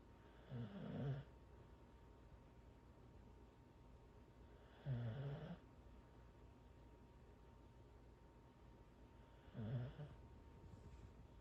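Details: Corgi snoring while asleep on the owner's legs: three low rumbling snores on in-breaths, about 14 a minute, in a quiet room; ordinary snoring in a sleeping dog.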